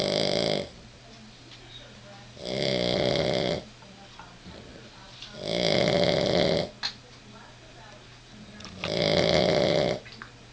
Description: Finally getting the sounds from this little girl. At night in bed she sounds jusst like a human